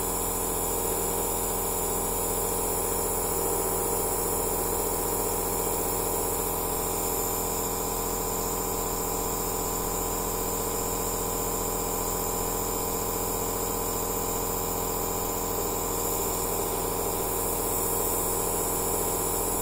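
Continuous steady mechanical hum and hiss of a nebulizer compressor running, with no breaks.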